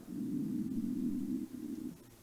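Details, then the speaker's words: A hungry adult's stomach gives a low, gurgling rumble of about two seconds with a brief dip: stomach growling (borborygmi). "Wow, that is my stomach going, I am fucking hungry, feed me."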